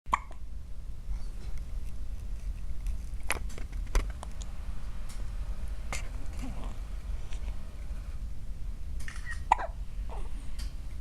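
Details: Newborn baby with small, soft hiccup jolts every few seconds over a steady low rumbling background; hiccups.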